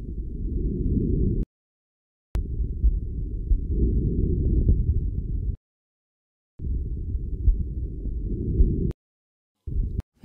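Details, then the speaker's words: Normal vesicular breath sounds in a healthy person through a stethoscope: soft, low rustling, almost only on inspiration (longer, more intense, from alveolar distension), separated by silent pauses; deep slow breathing aids auscultation. "breath sounds are almost exclusively inspiratory sounds soft and low in tone as a whole there are two components the inspiratory component longer and more intense is caused by the sudden distension of the pulmonary Alvi due to the entry of air"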